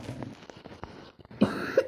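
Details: A single sharp cough from a child playing Minecraft, followed by a throat-clearing sound, over quiet room noise.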